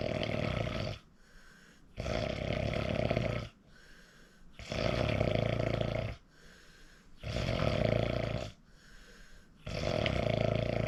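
Loud, regular rattling snores with each breath in, about 15 a minute, with quieter breaths out between: heavy snoring.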